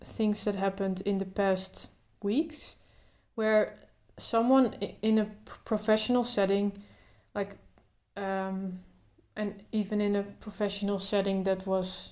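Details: Adult woman who stutters, including blocks, speaking naturally without trying to control her stutter; stuttering.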